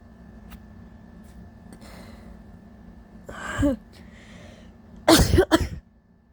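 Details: Adult with allergies, awake all night with sore throat, voice loss and a scratchy wet cough: a sharp intake of breath, then two forceful explosive sneezes in quick succession over a quiet room hum.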